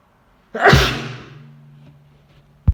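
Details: Drunk person sneezing: a single loud, explosive sneeze with a sharp burst of air that trails off, then a brief thump.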